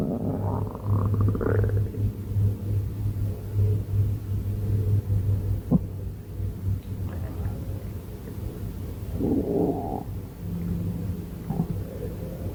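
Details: Stomach growling (borborygmi) from an adult's abdomen: low rumbling gurgles over a steady deep drone, with a few bubbly bursts and squeaks.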